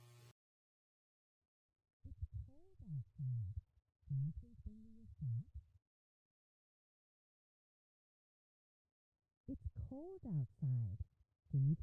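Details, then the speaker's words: Simulation of severe to profound sensorineural hearing loss from an inner-ear or auditory-nerve problem in a child: a spoken sentence sounds muffled and low-pitched with no crisp consonants. For demonstration only. "the next two are examples of moderate and mild sensory neural hearing loss the last sentence will sound as it does for someone with typical hearing note that these simulations are for demonstration purposes only"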